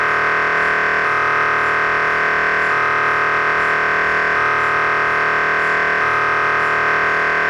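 Loud steady electronic buzzing tone with repeating rhythmic pulses, typical of an MRI scanner acquiring images.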